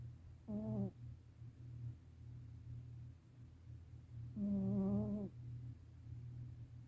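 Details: Loud snoring from a sleeping black cat.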